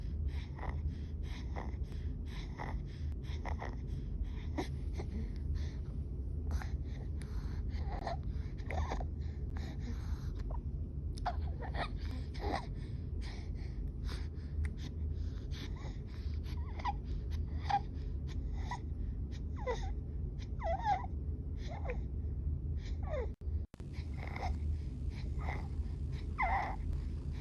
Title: Dyspnea, tachypnea, excessive muscle use and stridor